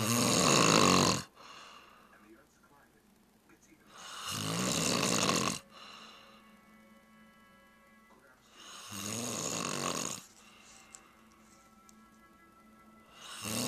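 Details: Heavy snoring recorded on a Flip Video camcorder: loud, harsh, rasping snores on each breath in, about 14 a minute, with quieter breaths out between.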